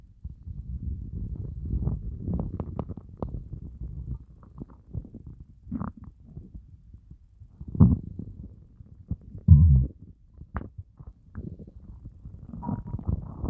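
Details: Stomach growling after a fast of more than 30 hours: loud, low, irregular gurgling and groaning rumbles from an empty stomach; ordinary hunger borborygmi.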